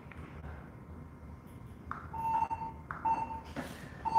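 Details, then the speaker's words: Physician's own pulse oximeter, demonstrated as exposure therapy for anesthesia fear; steady electronic beeps tracking a regular pulse of about 55–60 beats a minute, heart rate noted to speed up and slow down; pulse oximeter beeping. "So this will just be one with the pulse ox. I'm gonna put the propofol down for a moment. Can everyone hear my pulse ox?"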